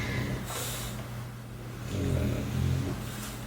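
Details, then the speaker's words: Pet bulldogs snoring and snorting: low, rumbling snorts, the noisy breathing typical of flat-faced breeds. "so if you hear the star columbarium the snoring sounds those are my dogs and they're Bulldogs so they kind of make noises"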